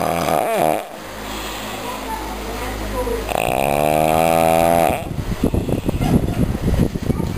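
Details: Snoring: loud, long, buzzing snores with a throaty rattle, followed by rough breathing noise.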